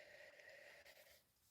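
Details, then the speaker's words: Adult with a really bad cold wheezing while speaking: a steady, whistling musical tone runs through the breath. "In the challenge position, sorry if you can hear me wheezing, I've got a really bad cold."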